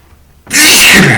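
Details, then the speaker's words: Adult male sneezing while talking, after having a few drinks: a single loud, explosive sneeze after a brief quiet moment, which he calls a wet one. "just glad to do my part CU it's really oh that was a wet one"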